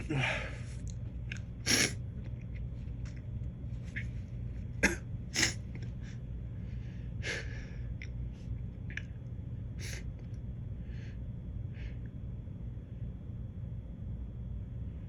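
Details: An adult who has been feeling allergic lately has a series of short, sharp sneezes with a few quieter abortive false starts and a little talking, over steady low background noise.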